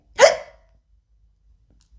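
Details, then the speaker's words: Adult's deliberate imitation of a hiccup in a Spanish lesson on involuntary bodily reactions; one abrupt voiced gulp-like sound, not a real hiccup. "Hay personas que cuando toman mucho bebidas alcohólicas pueden tener hipo"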